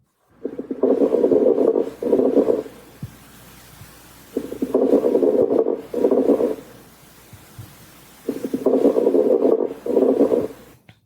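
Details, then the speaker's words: Crackles heard while auscultating a male patient's back at eight sites: three breath cycles with rough, popping crackles over the breath sounds, about 15 breaths a minute. "some abnormal breath sounds that I'm listening for are crackles which sound like this"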